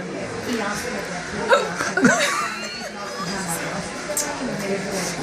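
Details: Child with hiccups and giggles after finishing water: a few sharp, brief catches in the breath among giggles and chatter.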